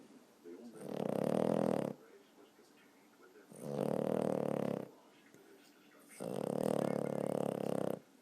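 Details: Sleeping dog snoring, twitching in sleep: three long, low rumbling snores about two and a half seconds apart, with quiet pauses between.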